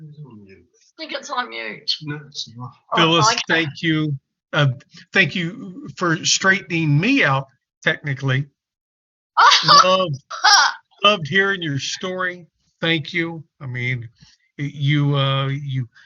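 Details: Adult speaker; ordinary conversational speech.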